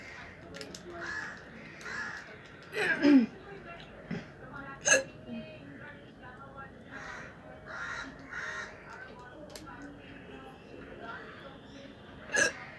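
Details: Real hiccups recorded without drinking water: a few sharp, abrupt hiccup sounds at irregular intervals, with soft voices in the background.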